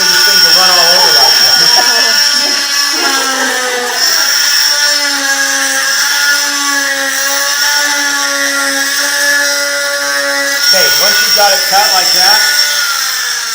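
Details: Striker oscillating cast saw (oscillates, doesn't rotate) removing a hardened cast in a veterinary teaching demonstration, with speech over it; steady high-pitched motor whine with grinding as the blade cuts. The animal is normally anesthetized for this.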